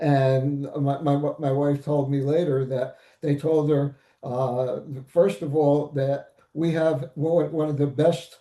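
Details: Post-stroke aphasia in a stroke survivor; aphasia.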